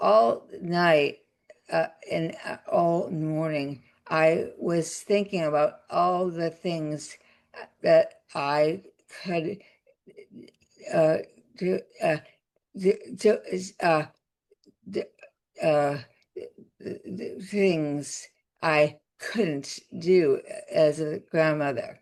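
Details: Adult woman with aphasia after a significant stroke that also caused paralysis; word-finding pauses and garbled words; aphasia.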